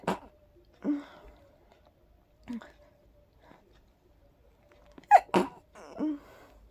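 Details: Breathy, soft, stifled sneezes with quiet gasps between them from a sleepy person trying to fall asleep, trigger unknown but probably pollen; allergy sneezing.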